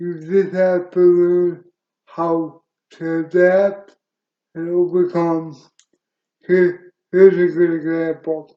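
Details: Dysarthria in an adult male wheelchair user with cerebral palsy present since birth, which he attributes to oxygen being cut off to the brain during birth; he reports a speech impediment.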